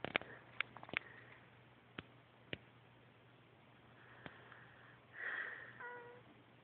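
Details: Man snoring with an unusual cat-like sound: a few soft clicks, then a breathy inhale ending in a high, whining, meow-like tone.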